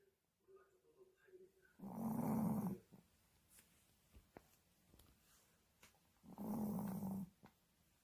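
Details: Pet dog snoring while asleep: two long, low, rattling snores about four seconds apart, with faint room noise between.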